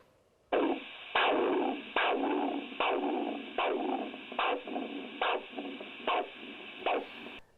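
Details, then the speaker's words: Handheld Doppler assessment for leg ulceration: monophasic arterial waveform with one soft whoosh per beat at about 74 a minute, an abnormal waveform compared with normal triphasic and compromised biphasic signals. "so the last one that we have is the monophasic waveform and this is just like a anomaly a one washing type of sound"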